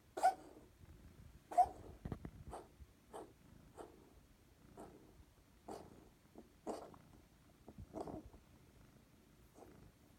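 A cat gives a run of about a dozen short, harsh coughs in quick succession, in a quiet room, consistent with coughing from pneumonia.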